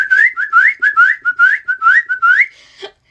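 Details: Rapid run of short rising whistles, about eleven in three seconds: a repetitive whistling vocal tic in a person diagnosed with a severe case of Tourette's syndrome.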